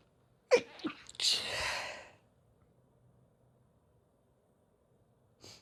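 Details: Sneeze deliberately induced with a tiny bit of chhinkni (sneezing powder) and stifled until it can't be held back: a short sharp intake, then one explosive, hissing sneeze, with a faint second breath after.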